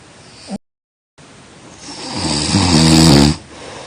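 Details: A loud, rattling snore building on the in-breath, with a short silent pause before it, in a sleeping person; typical snoring.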